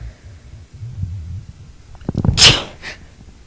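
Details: A wave of sneezes, soft and loud, including stifled sneezes and build-ups that grow stronger, recorded with a microphone that adds fluctuating static.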